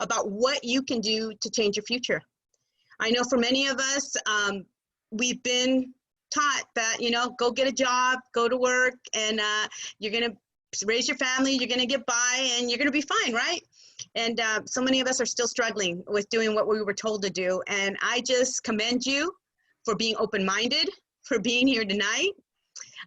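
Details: Adult woman; Typical speech.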